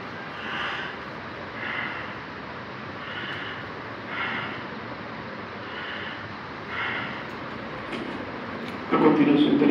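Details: A normal breathing pattern played as an example in a pneumology class: soft, even breaths in and out at a steady, unhurried rhythm, with a brief louder noise at the end.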